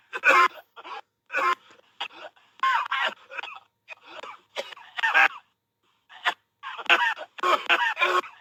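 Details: Bird making cough-like sounds: short, raspy, hoarse, breathy bursts repeating in clusters.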